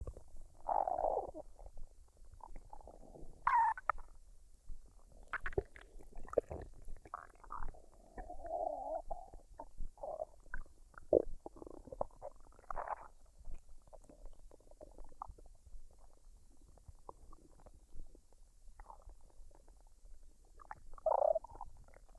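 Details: Woman's abdomen after a meal of fried rice and duck, unedited: irregular gurgles, squeaks and rumbles of digestion; normal bowel sounds.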